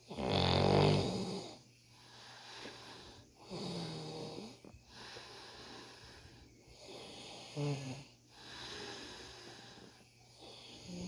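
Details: A man snoring loudly during sleep: loud, rough, rattling snores on the in-breaths, about eight breaths in eleven seconds.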